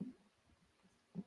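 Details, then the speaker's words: Stomach rumbling (borborygmi) from an adult whose stomach will not stop gurgling: brief low gurgles and rumbles, ordinary bowel sounds heard at close range. "so sorry if you can hear my stomach. It just will not stop gurgling."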